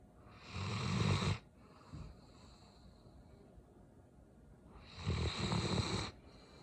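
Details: Two deep, rattling snores with a quiet pause between them; snoring during sleep.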